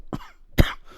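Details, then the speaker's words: Repeated coughing from a man recording a podcast while coming off a cold; he pauses his speech to cough and says each cough makes his mind go blank. "and here I pause again for coughing you're hearing what I'm doing but anyways every time I cough my mind goes blank and I have to go back to what I was saying or doing"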